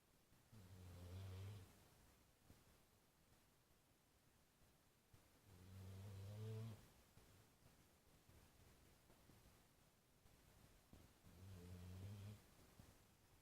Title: Sleeping possibly snoring